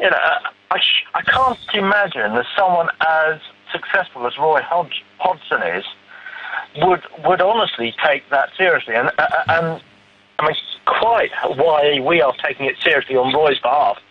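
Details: Adult man with a stammer; stammer (stuttering).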